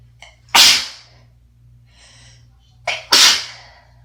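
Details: Person sick in winter, with asthma and a recent wet, chesty cough, sneezing congestedly: two loud, forceful, wet sneezes, each preceded by a quick in-breath, in a quiet room.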